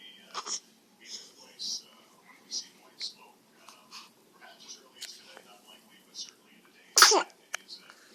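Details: A single loud, explosive sneeze after soft breathing and faint background sounds while she watched the papal conclave, followed by a sharp smack as she punched herself in the face mid-sneeze; sneeze.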